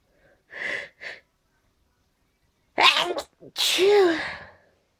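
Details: Tail end of an allergy sneezing fit: two light sneezes, a pause, then two forceful sneezes with voiced release.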